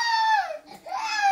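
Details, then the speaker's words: Infant hunger cry: the baby is crying for the breast with tearful eyes, giving two short, high, tonal wailing cries separated by a brief breath pause. "See, she has started again. She's crying. You know what she's crying for? Should I tell them? Look at her eyes. Full of tears. Her eyes is full of tears. Look at her. She was crying for breast."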